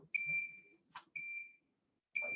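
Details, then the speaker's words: LVAD controller power alarm, demonstrated: repeated high-pitched electronic beeps in bursts when one of two batteries is disconnected, warning that a second power source is needed; it stops when reconnected. "so you can see i'll disconnect one of the batteries from our device here within a second it's going to start beeping at me saying that i need a second power source right here"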